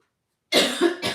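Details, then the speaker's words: Adult with laryngitis coughing: half a second of silence, then a harsh cough burst with a short second expulsion. "sorry my cough is so annoying I've been warned about this sorry my fruit is I've got um laryngitis"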